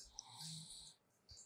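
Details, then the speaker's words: Adult with about a month of on-and-off sleep disturbance (insomnia) snores while asleep during Ayurvedic shirodhara treatment: a single low, rattling snore on an in-breath over steady background hiss. "గట్టిగా మాట్లాడుతున్నా నమ్ము అయినా కూడా గురకలు వస్తా ఉన్నాయి just ఆ sounds మీరు just వినండి."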